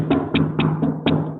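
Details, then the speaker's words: Hyperresonant chest percussion note, demonstrated in a pulmonology clinical exam teaching session, seen in air effusion (pneumothorax) syndrome: five hollow, booming taps about one every quarter second with a low sustained ring between strikes. "c'est Hypersonorité. Hypersonorité."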